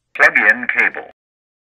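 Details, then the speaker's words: Zoll AED Plus during setup: a brief synthetic voice prompt telling you to plug in the electrode pad cable, given right after the new-battery button inside the battery compartment is pressed. "when you push the button inside the battery compartment the aed will react immediately telling you to plug in the electrode pad cable"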